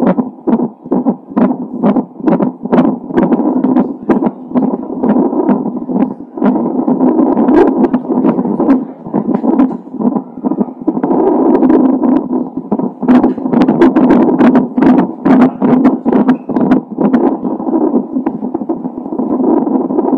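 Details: Doppler fetal heart sounds from a baby with Down syndrome, recorded a few hours before birth; fast whooshing heartbeat at about 136 beats a minute, with shifting and noise as the probe moves.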